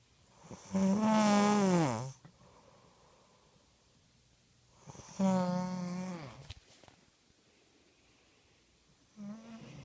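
Loud, droning snores on each inward breath, roughly 14 a minute, separated by quiet pauses.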